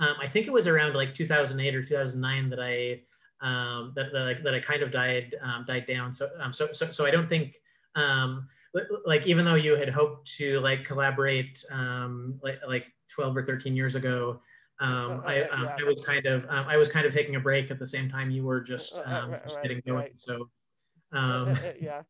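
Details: Cluttering in an adult man who identifies himself as a clutterer; repetitions and fillers heard.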